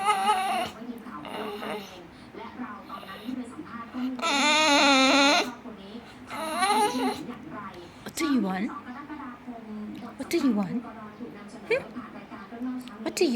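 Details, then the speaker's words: Baby with hiccups crying: bursts of high-pitched infant crying and whimpering with short catches between cries, in a small room. "Why are you whining? Why are you whining?"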